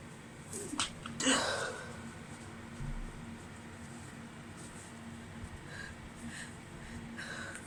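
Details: Female with an allergy-irritated nose that has felt on fire all day, sneezing after a tiny amount of chhikni: a few muffled sneezes, deliberately stifled to stay quiet, with sniffing in a quiet room.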